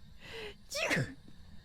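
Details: A sharp indrawn breath, then one forceful, voiced sneeze from a female streamer, who wonders if it is bad allergies.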